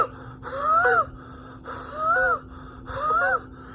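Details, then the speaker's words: Three loud, noisy breaths with high whistling, musical tones, about 50 a minute, from a man with a medical condition whose breathing is audible to others; he says this is how he breathes normally. Audible wheezing with laboured breathing. "They could actually hear me breathing. So what I do is I'll be like, listen, if you want to hear me breathe, which, listen to this."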